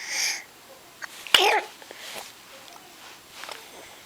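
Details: 5-month-old baby boy sucking his hand, then sneezing and cooing: a single sharp, sudden infant sneeze amid soft mouth noises and faint cooing.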